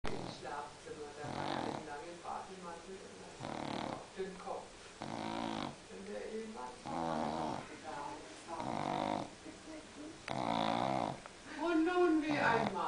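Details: Rapid, irregular grunting and wheezy snoring with snorts and whistling tones from a sleeping pug dog; snoring in a flat-faced breed.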